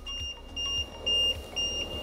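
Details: Repeated high-pitched electronic alarm tones from a Vyaire LTV 1200 ventilator in pressure support/CPAP mode, triggered by a person breathing on the circuit during a setup demonstration; quiet room; ventilator alarm.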